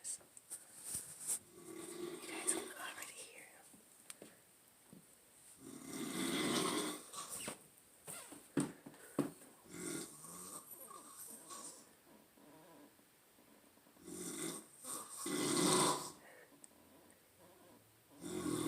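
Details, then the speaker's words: Adult man asleep on a couch, recorded because he denies snoring: irregular, rough, rattling loud snoring in a quiet room with a whispered voice over it; snoring. "Why the fuck do you snore so loud?"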